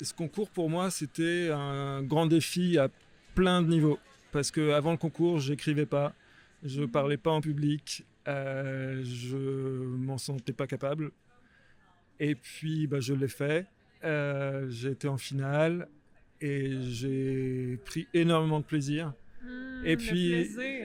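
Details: Finalist of a 2022 stuttering eloquence contest who did not speak in public before the contest; stuttering.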